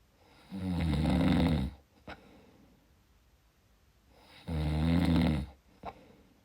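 Two loud, rattling snores about four seconds apart, each followed by a brief snort or click on the out-breath; steady sleep snoring.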